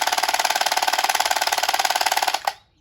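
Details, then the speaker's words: Phoenix home low-intensity shockwave therapy device for erectile dysfunction, switched on in an unboxing demonstration: loud, rapid, regular mechanical tapping at about twenty pulses a second, like a small jackhammer, stopping abruptly. "maybe it is kind of jackhammer noisy just something to be aware of"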